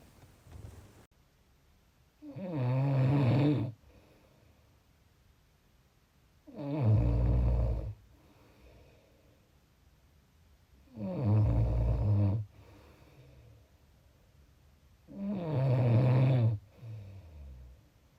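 Deep, rattling snores on each breath in, about 14 breaths a minute, with quiet pauses between them.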